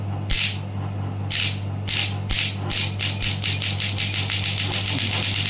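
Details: Pneumatic ESWT shockwave therapy device, frequency adjusted between 1 Hz minimum and maximum: sharp repeated pneumatic bursts over steady hum, slowly spaced at first, then faster as firing rate rises.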